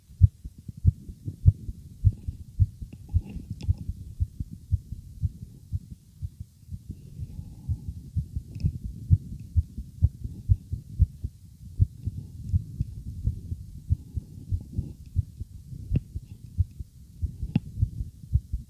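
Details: Man's racing heartbeat heard by ear against his chest while he felt nervous: rapid, strong, regular thumps at roughly 110–120 beats a minute, i.e. sinus tachycardia.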